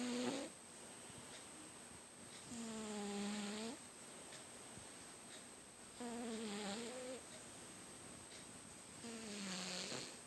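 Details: Sleeping cat snoring very loudly, audible from another room: three drawn-out snores in about ten seconds, each with a buzzing, pitched vibration on the in-breath.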